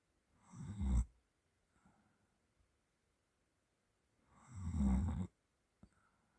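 Two low, rattling snores on breathing in, about four seconds apart, in a quiet room; ordinary snoring during sleep.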